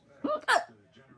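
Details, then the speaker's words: Person with hiccups they call the most ridiculous they have heard: two abrupt, voiced, gulping bursts with a squeaky, high-pitched quality; loud, unusual hiccups. "All right. So, I have the hiccups. And I have the most ridiculous hiccups of anybody I've ever heard in my life."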